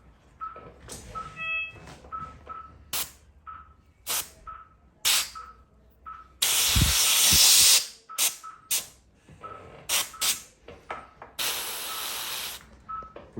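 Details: Dental air-water syringe rinsing acid etch off a fractured canine tooth with exposed pulp in a Jack Russell dog before bonding: loud hissing sprays of air and water, short bursts, recurring beep.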